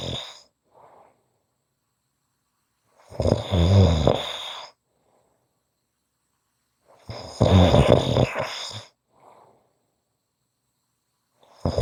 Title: Short snoring Audio